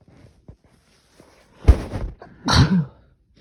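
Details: Two forceful sneezes in quick succession, preceded by faint breathing and small noises, during an intense repeated sneezing fit after trying stilfes. Sneezing fit.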